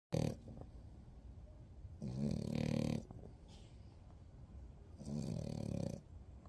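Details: Sleeping French bulldog puppy snoring: rattling snores about a second long, recurring roughly every three seconds.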